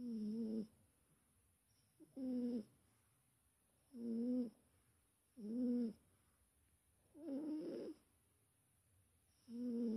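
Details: Cat snoring during sleep: regular tonal snores about every two seconds, roughly 30 a minute, in a quiet room.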